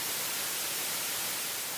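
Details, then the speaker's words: Steady, featureless hiss simulating a person's white-noise style of tinnitus, as described in a tinnitus clinic, with a voice cutting in at the very end. "you can even hear some of that anxiety in our tinnitus clinic you have what we call a white noise style of tinnitus and"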